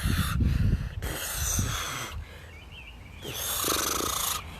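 Three deep, harsh, rattling snore-like breaths, imitated by an adult: the heavy snoring sound of opioid overdose.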